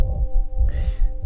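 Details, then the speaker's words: Heart auscultated at the apex: almost inaudible first heart sound, quiet second sound, and a uniform-intensity murmur abutting both and filling systole, Levine grade 3/6 pansystolic (holosystolic) murmur. "шум вплотную прилегает к первому и второму плану практически однородной по громкости интенсивность шума 3 балла и 6 по шкале левина слушаем мы на верхушке сердца и так имеем почти неслышный первый тон тихий второй пансистол"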